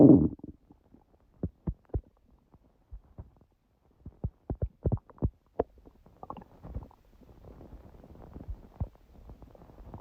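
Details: Stomach growling recorded at 1:30 after waking, following a large udon meal at 19:30; the owner suspects a reaction to gluten after a long break. Intermittent gurgles, squeaks and rumbles in a quiet room: borborygmi.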